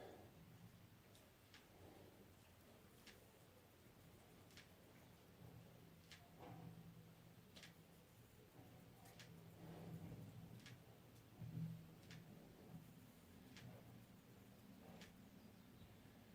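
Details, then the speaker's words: Faint, sharp clicks recurring about every second and a half over a low room hum: knee cracking (crepitus) during a forward leg movement in a morning Pawanmuktasana yoga practice. "I don't know if you can hear my knee cracking there. It's giving it some."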